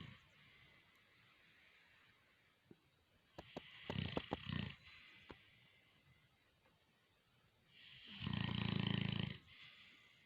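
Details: Boerboel (African mastiff) dogs snoring together while asleep.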